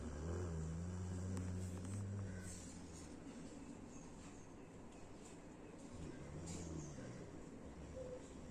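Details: Rottweiler (large dog) snoring in its sleep: low, rough rumbling drones over two long breaths separated by a quieter stretch.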